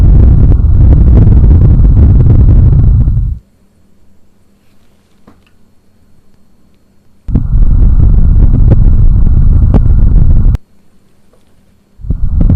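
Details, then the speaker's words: Abdominal auscultation during clinical abdominal examination: normal bowel sounds heard; if none are heard, listen for 3 minutes before calling them absent. "यहाँ पर मुझे normally Bawal sound सुनाई दे रही है। अगर आपको बावल साउंड सुनाई नहीं देती है तो आपको 3 मिनट्स तक ऑस्कल्टेट करना है।"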